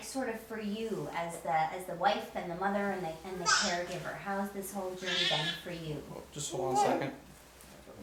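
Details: Adult interviewer; normal speech.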